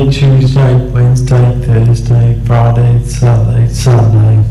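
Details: Adult man with dysarthria and an Australian accent saying the days of the week; imprecise consonants, prolonged s sounds, slightly slower speech and slightly different resonance, yet fully intelligible; dysarthria.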